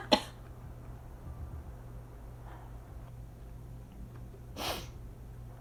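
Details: Asthma cough, seemingly a little drier today; loud air conditioner in background.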